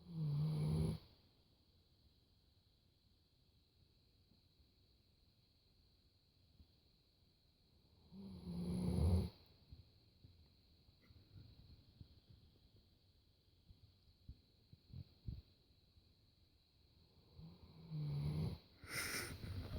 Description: Snoring northern inuit